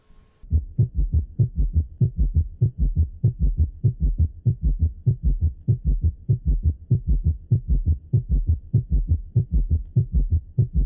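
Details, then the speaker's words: Ventricular gallop (S3), a sign of left heart failure from rapid ventricular filling against weakened myocardium: fast regular low-pitched heartbeat near 98 a minute with galloping three-beat rhythm. "ntre 90 y 120 por minuto y eso le dará un ritmo peculiar muy parecido al galope de los caballos de ahí su nombre de galope ventricular y es producido por un llenado ventricular rápido contra un miocardio debilitado"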